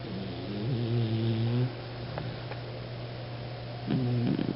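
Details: Beagle dog asleep and snoring: loud, low, droning breaths with a pause between them; ordinary snoring.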